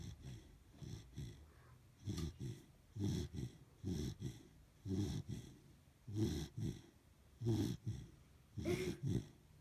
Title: Phoebe the Snoring Corgi